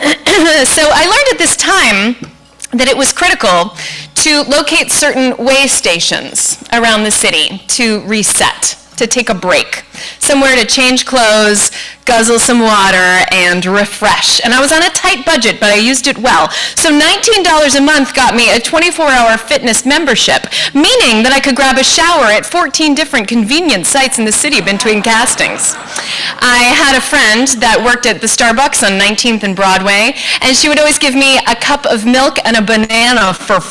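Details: Adult woman; normal speech.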